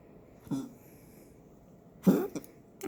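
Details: Two short, low, harsh coughing bursts from a dog named Patches, with a brief hack after the second; coughing.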